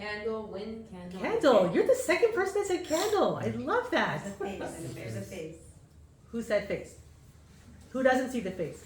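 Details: Adult presenter with audience in a room; typical speech.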